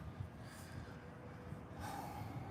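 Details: Forceful nasal blowing snort over steady background noise from a lesson horse, reactive at the poll during its second chiropractic adjustment.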